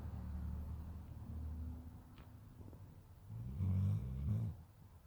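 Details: Sleeping dog snoring: deep, rattling, low-pitched breathing noises rising and falling.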